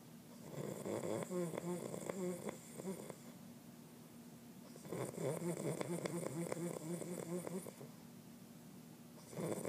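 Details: Person snoring: fluttering, rattly snores on each in-breath, about 13 breaths a minute, with quiet pauses between.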